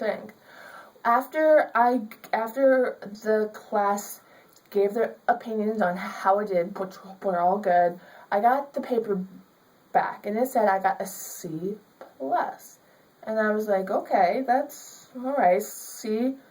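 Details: Young woman with stuttering.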